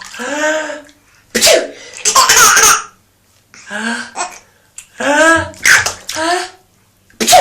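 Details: A few loud, sudden sneezes from an adult father, each answered by a small child's giggles; sneezing.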